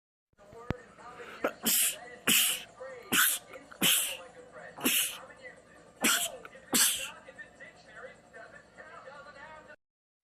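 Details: Male sneezer, part of a compilation of rapid sneezing attacks: a run of about seven sharp, forceful sneezes in quick succession, a sneezing fit.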